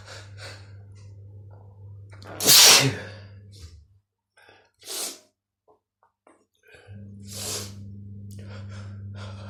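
Sharp inward gasps building up to loud sneezes, three bursts in a row over a steady low hum; a sneezing fit.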